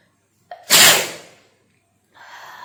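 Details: A short intake of breath, then a single loud explosive sneeze from a woman that fades out, followed by a brief sound, during a sneezing and nose-blowing challenge.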